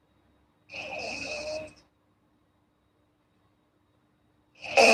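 Two breathy, rattling breaths with a long quiet gap between them; light snoring.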